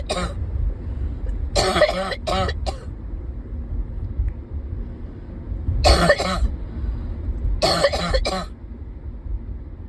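Short clusters of harsh coughs, about four bouts of two to three coughs each, over low rumbling background noise.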